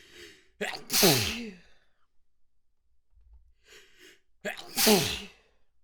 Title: Messy Wet Sneezes, Stifles, Snotty Sounds, Noseblows